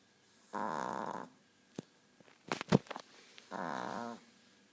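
Two drawn-out, rattling snore sounds with a few soft snorts and sniffs between them; a small dog snoring.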